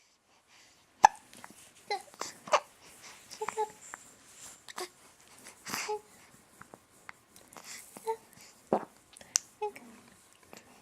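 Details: Hiccups in a 4-week-old infant: repeated sharp, abrupt catches in the breath mixed with babbling at irregular intervals.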